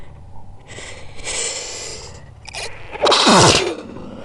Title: 12 Sneezes, With Build Ups And Stomach Growling (Slowed Down)